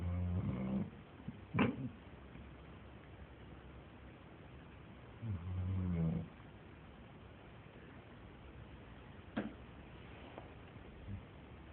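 Two low, rumbling snores about five seconds apart with quiet breathing between, in a quiet room; ordinary snoring during sleep.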